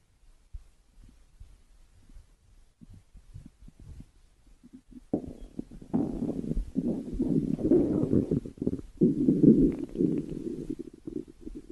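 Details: Soft gurgling, then a loud, rolling stomach growl; ordinary bowel sounds (borborygmi).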